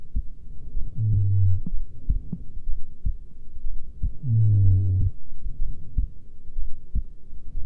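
Soft low thumps of a resting heartbeat, partly masked by two longer low humming sounds.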